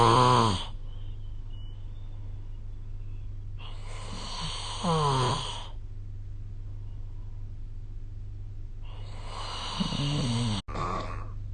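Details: Sleep snoring recorded with the SnoreLab phone app: three loud rattling snores every four to five seconds over a steady low hum; snoring.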